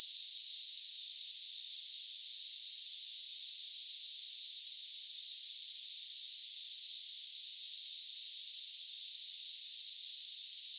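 Steady, unbroken high-pitched hiss like cicadas, a simulated sample of hissing tinnitus for comparison with ringing in the ears.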